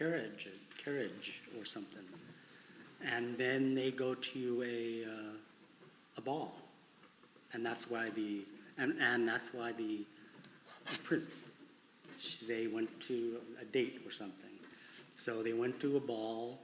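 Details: Adult man with conduction aphasia attributed to damage to the arcuate fasciculus between Broca's and Wernicke's areas, with good comprehension and impaired repetition; conduction aphasia.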